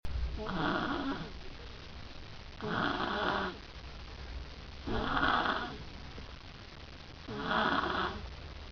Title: snore zzz